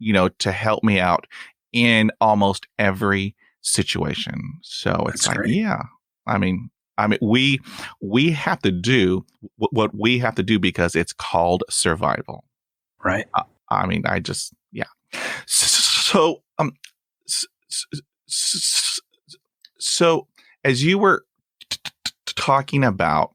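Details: Adult man who stutters, with blocks and long pauses and use of helper words; stuttering.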